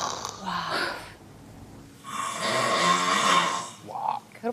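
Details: Person asleep on a dating reality show: long, rough, rattling breath sounds with a fluttering quality and a brief voice between them; snoring severe enough to keep another person awake.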